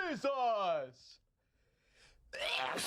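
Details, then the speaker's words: Adult man sneezing without covering despite holding a tissue, spraying his surroundings: a loud, drawn-out voiced cry with falling pitch, a pause, then another vocal burst; an exaggerated, unusual sneeze. "he had the tissue in his hands before there and he just doesn't do anything with it he just sneezed all over his whatever the [ __ ] is on there disgusting"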